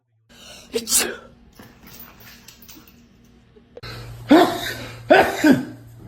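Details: Adult sneezing in front of a dog: one sneeze followed by two more explosive sneeze-like bursts with room noise; sneeze.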